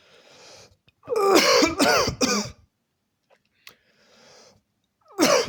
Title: 2 minutes straight of COUGHING!!!